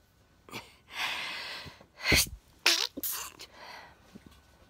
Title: The Sneezing Sniffler - Getting More Intense